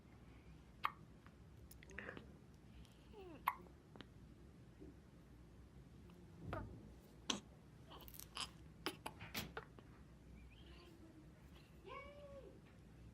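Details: Baby with hiccups in a quiet room: several short, sharp catching sounds at uneven intervals with some soft baby noises; infant hiccups.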